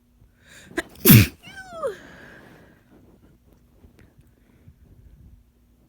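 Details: Person sick, likely with a cold amid many sick contacts: quick in-breath, then one forceful sneeze with a falling voiced tail and a few quieter breaths. Sneezing.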